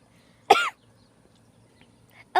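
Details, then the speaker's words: Child coughs after drinking Big Red soda while eating ramen on a trampoline, seemingly choking on the drink: a single sharp harsh cough with another starting; cough. "Okay, I'm done now. And cheers to coughing."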